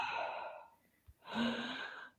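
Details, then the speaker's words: Simulated patient breathing sounds in a healthcare teaching scenario for students to count respiratory rate for a chart score: a breath out then a breath in, short pause between. "So the breath rate is actually the breath rate that we want them to count. So they will count the breathing, and then they will add that up, and then they will put that on the chart, and then they will calculate Felix's score."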